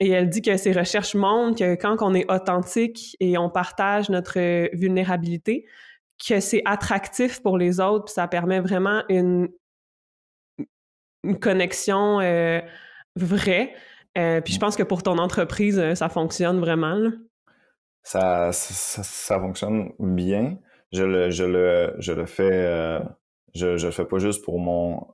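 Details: Adult man who stutters and reports blocks when speaking; real, natural conversational speech; stuttering.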